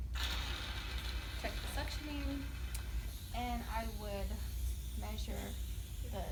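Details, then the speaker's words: Suction machine turned on and set to 80–120 for tracheostomy suctioning in a student nurse check-off; steady low motor hum with faint speech over it. "I'm going to check the suctioning turn it on 2 80 to 120"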